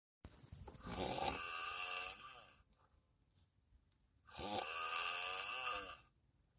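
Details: Person snoring while asleep in a car: two long, loud, harsh rasping snores about four seconds apart, with silence between.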